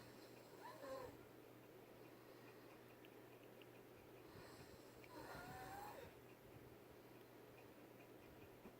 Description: Potato snoring like an elephant